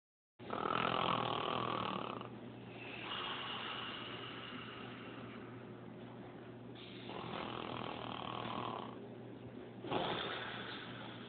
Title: Snoring.. harder than it looks